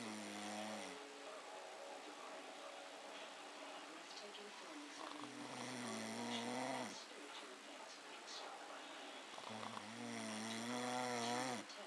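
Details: Someone snoring through the night after drinks and a fish supper, recorded by friends on a golf trip in Scotland: tonal, humming snores on inhalation every few seconds, quiet room between. Snoring.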